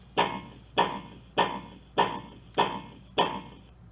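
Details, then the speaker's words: Philips HeartStart OnSite AED in a demonstration, coaching adult CPR at a 30:2 compression-to-breath ratio: regular clicking metronome tones at about 100 per minute pacing chest compressions. "ng me that metronome, and it's going to go that 30 compressions to two breaths. So, at the end of 30 compressions, it's going to have me breathe."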